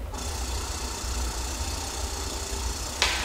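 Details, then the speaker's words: Loud, steady motor hum and rushing hiss from an airway suction unit switched on briefly to test pressure (aimed 80–120 mmHg, reading 150) in a mannequin simulation, then a click as it is turned off. "I would leave it running but it's noisy so I've just turned it off at this point"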